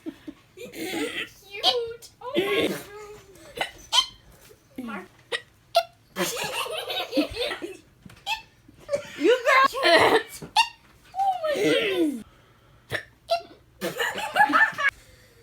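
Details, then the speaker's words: Hiccups in a woman: repeated short, sharp, involuntary gulping sounds mixed with laughter and talking from several people. "It's so cute, though. Oh my goodness. It's the hiccups. It's a hiccup."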